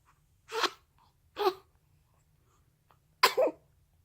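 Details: Three short, sharp sneezes in a quiet room, the last a quick double burst. Sneezing.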